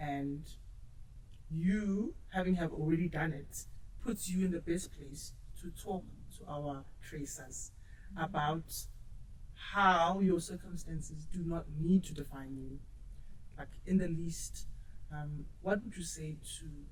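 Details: Adult speaker; normal speech.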